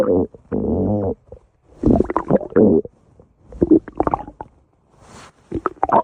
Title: Insane stomach growl 6